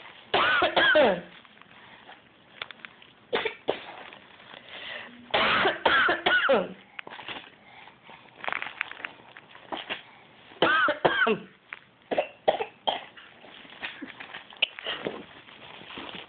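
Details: Repeated short coughs in uneven bursts from a 15-month-old boy imitating his parent's cough, with the adult's own coughs mixed in.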